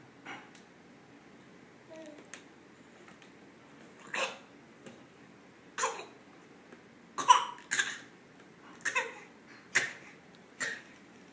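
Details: Dog coughing while walking: about seven short, sharp coughs, some in quick pairs, against a quiet background; repeated coughing.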